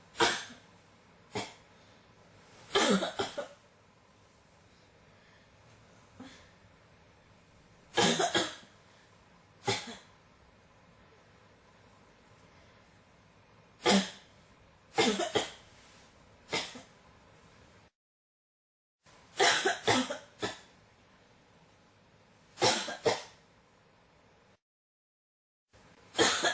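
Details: Persistent cough: about 14 sharp coughs, singly and in short runs over half a minute.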